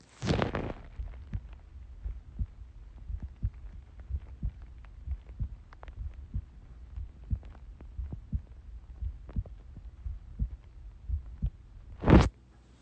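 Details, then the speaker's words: Self-recorded heartbeat through a phone: steady, regular low thumps at about 60 a minute, with handling bumps at the start and end. A calm, normal resting heartbeat. "This is me listening to my heartbeat through my phone."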